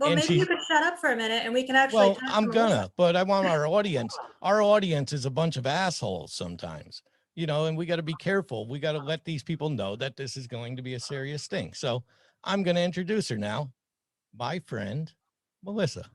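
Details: Adult male speaker; normal speech.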